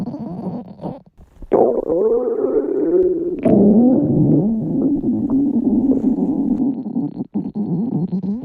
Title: もうダメ……お腹ぺこぺこ〜 女の子達は限界？！ぐぅぅーーとお腹からすごい悲鳴が！！！ #お腹の音 #お腹が鳴る #お腹鳴った #stomach growling #stomach growl